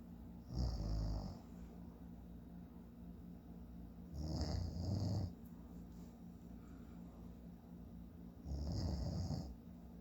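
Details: Snoring from a sleeping adult man (the recorder's dad): three deep, fluttering snores at steady intervals, about 15 breaths a minute, over a constant low room hum.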